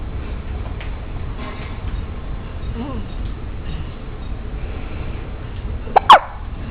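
Steady room noise, then one sharp, abrupt voiced catch near the end, typical of a single hiccup.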